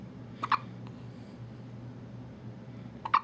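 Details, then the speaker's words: Infant, 2½ weeks old, sleepy right after bath time: two sharp, abrupt little catches in the breath about 2.6 seconds apart over a quiet room hum; infant hiccups. "with his hiccups. you have the hiccups."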